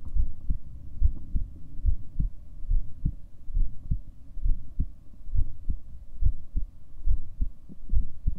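Regular low thudding heartbeat at about 70 beats a minute; a normal resting heartbeat.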